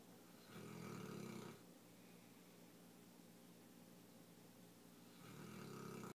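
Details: Neapolitan mastiff puppy, 7 months old, sleeping: deep, buzzing snores on each breath about 4.5 seconds apart, with a low steady hum between; snoring.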